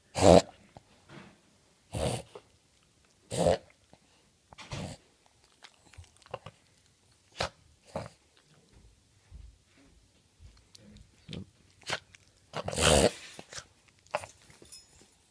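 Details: A dog gives loud snorting bursts at irregular intervals during reverse sneezing episodes.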